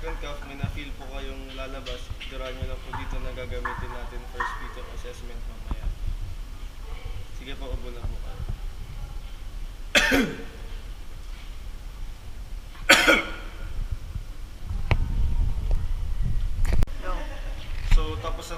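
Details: Functional cough.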